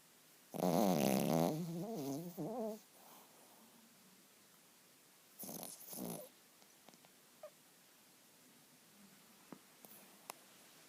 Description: My cute poodle snoring.